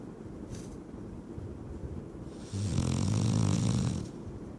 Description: Title says it all. My SharPei snoring.